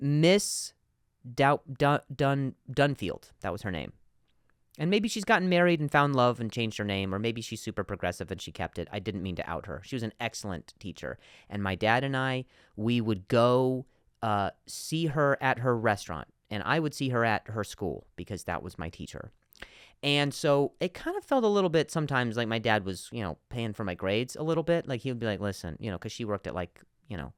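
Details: Adult male with stuttering, speaking spontaneously as a podcast host, repeating a word many times.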